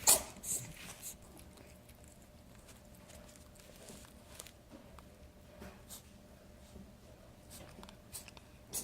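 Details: Overweight cat sneezing: one sharp sneeze followed by a few softer bursts in a quiet room.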